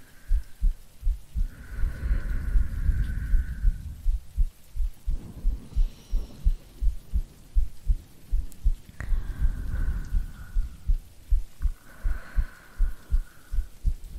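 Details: Woman's heartbeat in a simulated sleep-aid role-play; steady, regular heartbeat at about 80 beats a minute with soft breathing and rain in the background, normal heart rhythm.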